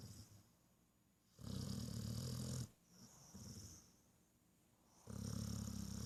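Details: Loud, rumbling low snores with quieter breaths between them, two long snoring breaths in six seconds; ordinary snoring during sleep.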